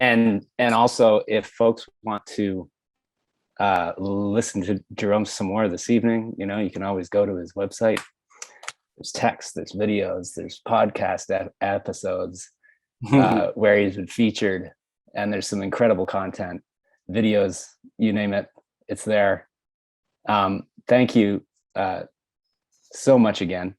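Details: Adult man speaking; fluent speech.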